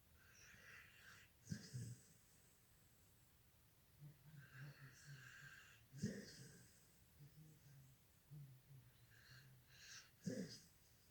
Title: my prince ....snoring